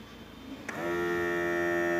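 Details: Diamond Digital 124 BP monitor being started for a practical self-measurement after unboxing: a click, then a steady electronic tone as the measurement begins.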